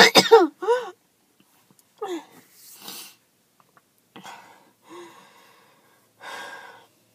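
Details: Adult who has skipped breathing treatments several times in a row, hoping it was just allergies, with chest pain: bursts of harsh, hacking coughs alternating with strained, squeaky, wheezy gasps in a quiet room; a choking, hacking coughing spell.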